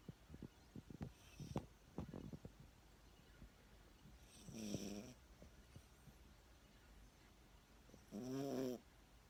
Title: My dog 🐶 Yorkshire knows how to snore 😅🤦‍♂️🙏